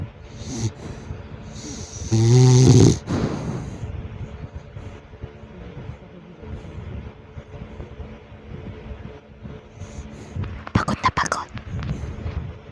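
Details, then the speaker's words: Snoring from a sleeping young dog: a loud, low rumbling snore with quieter snuffly breaths and faint room noise; the dog kicks in its sleep. "kanina pa siya humihilig So gusto ko iparinig sa inyo yung hilig niya kaso ngayon medyo mababa pa yata yung tulog niya"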